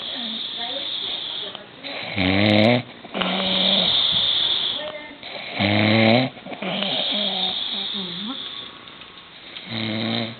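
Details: Snoring in a man: loud, harsh, vibrating snores on each breath in, roughly every three and a half seconds, with softer whistling breaths between; loud snoring.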